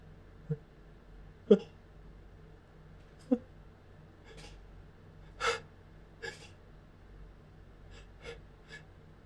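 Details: Build-up sneezes that felt much bigger than usual: several sharp breath-catching gasps and sniffs in a quiet room before sneezing; sneezing.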